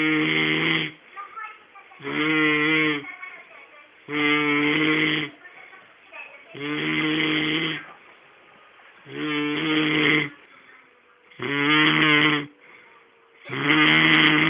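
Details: Man asleep in front of the TV snoring heavily: loud, rough, rattling snores recurring about every two seconds, with quieter breaths between them.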